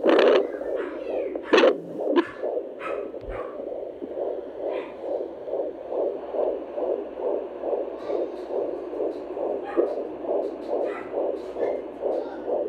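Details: Baby girl's fetal heartbeat heard at home through a home doppler: rapid, regular whooshing beats at about 136 per minute; normal fetal heart rate.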